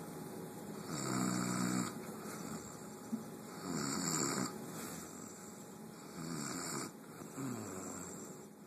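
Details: Adult woman snoring during sleep: three rough, buzzing snores on inhalation, about every two and a half seconds, with quieter breathing between.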